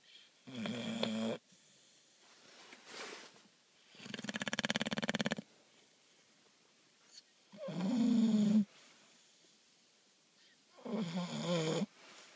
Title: Bulldog sleeping snore